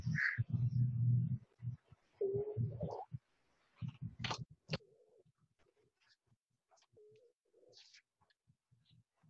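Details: Low rumbling breath noise with brief musical, whistle-like tones between breaths, fitting wheeze from narrowed or obstructed airways, presented as a lung-sound example in a respiratory examination skills lab.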